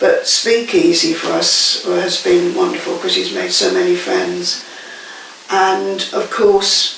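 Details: Adult speaker; normal speech.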